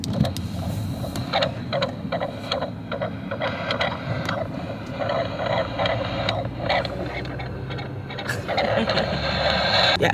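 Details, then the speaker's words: Fetal heartbeat recorded during a pregnancy ultrasound, with an anterior placenta, and built into a teddy bear: rapid whooshing pulses at about 150 a minute replayed through the toy's small speaker. "Maar je kan dus een beertje laten maken met de hartslag van je baby erin."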